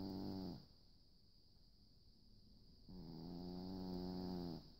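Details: Soft, low, buzzing snores on the in-breath with quiet pauses between, over a steady background hum, from a dog snoring in sleep.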